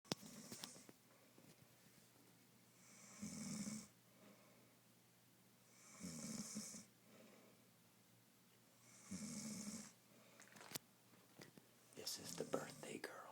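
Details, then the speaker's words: Woman with three rough, rattling snores on in-breaths, roughly every three seconds, with quiet pauses between; ordinary snoring. "it's her birthday today she snores like a plumber even the cat can't sleep"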